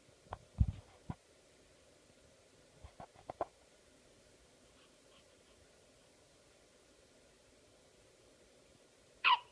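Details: One-week-old infant with hiccups: several short, abrupt catches with soft clicks at irregular intervals in a quiet room.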